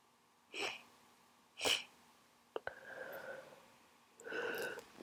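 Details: Sneezing during the speaker's own cold: several short sneezes with nasal sniffs between them.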